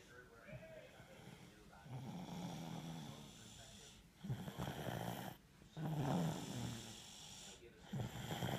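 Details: Soft, low, snuffly snores from a sleeping, tired dog, rising and falling with its breathing; snoring.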